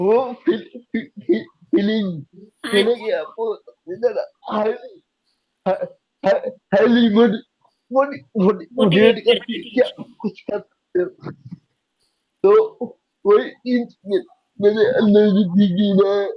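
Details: Young adult man with cerebral palsy diagnosed at age 2, unable to speak as a child, still needing double effort to speak clearly; dysarthria (cerebral palsy).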